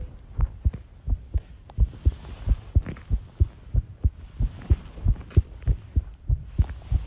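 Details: Heart sounds recorded while tidying a room, arrhythmia noted: clear low thumps at about 90 a minute with uneven spacing, faint room noise behind; irregular heartbeat (arrhythmia).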